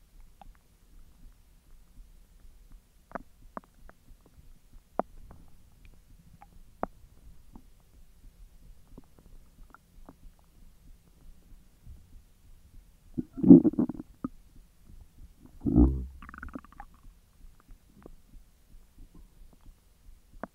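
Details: Belly recorded after eating hotdogs following 10 hours of an empty stomach: quiet scattered clicks and gurgles, then two louder rumbling gurgles, ordinary digestive bowel sounds (borborygmi).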